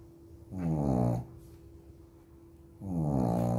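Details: Snoring of Preta, a little sleepyhead: two low, buzzing, vibrating snores about two seconds apart over a steady background hum.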